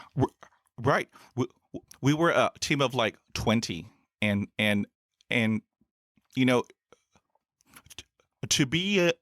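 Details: Adult male podcaster who stutters, since school years, with about 20 years of speech therapy in school, college and the US Air Force: stuttering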